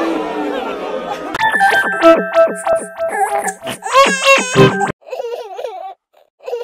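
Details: Simulated cartoon (Pocoyo) crying: rhythmic, tonal wailing with background music, a staged imitation of a baby crying, presented as sound-effect variations.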